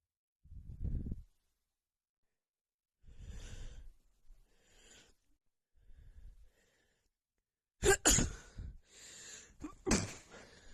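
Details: Woman's muffled sneezing fit: about six sneezes, the first ones stifled and muffled, the last few louder bursts only partly held back.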